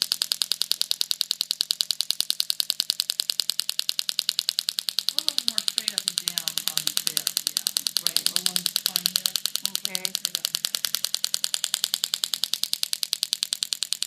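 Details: STORZ MASTERPULS VET shockwave unit with DEEP IMPACT tip treating sacroiliac joint pain in a horse: rapid, regular sharp clicking pulses about 200 per minute with faint voices behind.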